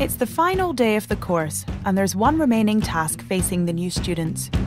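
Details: Adult narrator; fluent speech.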